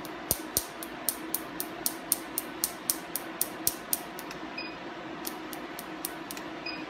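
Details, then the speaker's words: Tattoo-removal laser treatment over the spine of a male patient, skin held under traction: regular sharp snapping pops, roughly four per second, as ink is broken up, with whitening of the marks. "so I'm just gonna stand here and just hold a bit of traction on the skin it makes a popping sound here we go are you ready here we are"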